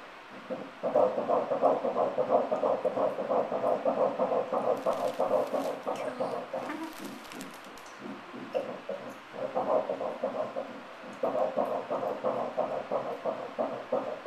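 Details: Rapid, regular whooshing pulses at about 176 a minute, a normal fetal heartbeat on ultrasound in early pregnancy, fetus still ball-shaped with head just forming.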